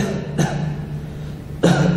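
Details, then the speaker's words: Voluntary cough by patient during chest auscultation through stethoscope, used to judge dry or wet character of cough: two short cough bursts over low steady hum. "permite identificar el carácter de la tos seca o húmeda"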